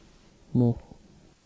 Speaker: you will hear a list of 10 words that will simulate a common high frequency hearing loss write them in a column